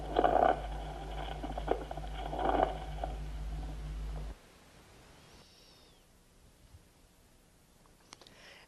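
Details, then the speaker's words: Medium and coarse bubbling rales that are consonant, with a pleural blow and heart sounds: about four seconds of rough, grating chest sounds with crackly bursts over a steady hum, then silence. Pleural friction rub with consonant rales. "y por fin estertores de burbuja mediana y gruesa soplo pleural y ruidos cardíacos son consonantes"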